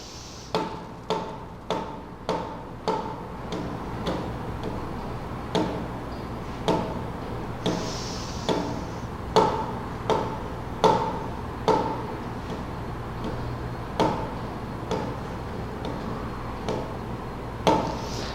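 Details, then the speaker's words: Simulated pulse: regular clicking beats that speed up and slow down cyclically, pulse rhythm coupled to breathing; respiratory sinus arrhythmia. "que trato de mostrarles es que hay una copa acompasamiento entre el ritmo respiratorio y el ritmo del pulso"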